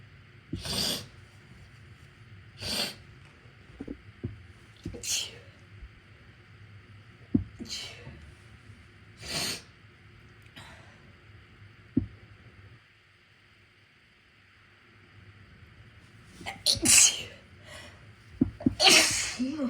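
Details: Induced sneezes during a cold, prompted by a left-nostril tickle, switching nostrils partway: repeated sharp hissy nasal bursts with sniffs between, ending in a pair of louder full sneezes.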